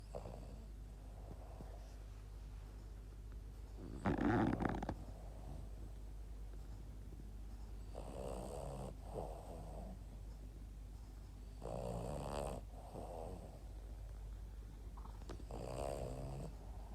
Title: Cute Boston terrier dog Yoda sleeping like a baby and snoring 😴